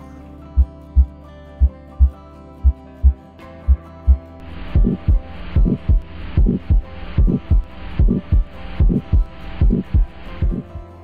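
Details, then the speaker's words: 68-year-old man with aortic and mitral valve leaks, first noticed on stethoscope at a pre-endoscopy check-up and confirmed by echocardiography: lub-dub, then a harsh whooshing murmur between beats, like 'duk ser', not a round 'duk dok'. "kalau orang suara sehat itu jantungnya klepnya bagus itu bunyinya bulat duk dok duk duk duk kok ini kayak duk duks ser gitu"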